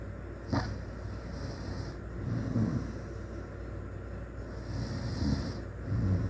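Low, rumbling snores over steady room noise, a few breaths in a row; loud snoring during sleep.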